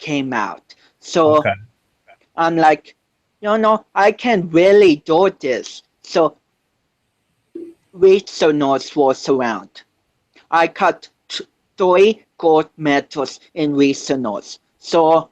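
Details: 25-year-old man with cerebral palsy since birth, which he says affects his balance, coordination and speech; doctors had told him he would never walk; real speech; dysarthria associated with cerebral palsy.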